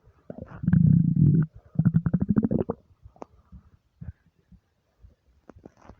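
Deep, drawn-out gurgling rumbles from an empty stomach, then softer scattered gurgles; ordinary bowel sounds of hunger.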